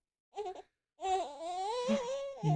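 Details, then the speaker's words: Baby crying in sleep: a short whimper, then a longer wavering cry; infant crying during sleep. "I'll see you guys tomorrow hope you enjoy the sound of a baby crying in their sleep"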